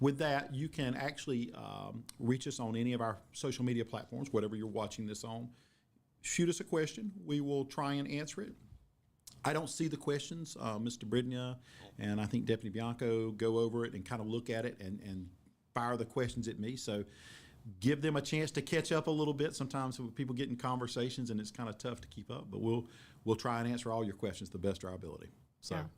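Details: Adult man speaking; normal adult speech.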